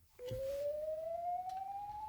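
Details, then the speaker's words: Steady electronic tone rising slowly in pitch over about two seconds: corpuls3 defibrillator charging for a 200 J unsynchronized shock via gelled paddles on a training model in ventricular fibrillation. "Next, the shock paddles are positioned, the defibrillator is charged, and the 200 jewel shock is administered and charging."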